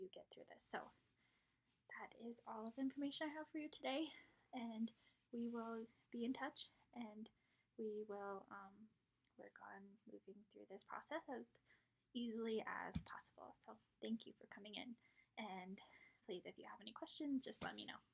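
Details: Adult woman speaking; normal speech.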